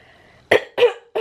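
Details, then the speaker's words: A few short, rough cough bursts from an adult with a rough cold: sore throat first, then cough and sneezing. A lateral flow test suggests it is probably not COVID. Cough. "But I started off with a bit of a sore throat. And then it kind of got a bit of a sore throat and a little bit of a cough."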